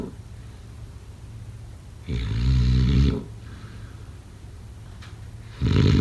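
Loud, low rattling snores about every three and a half seconds, roughly 17 a minute, with quiet breathing between them: snoring.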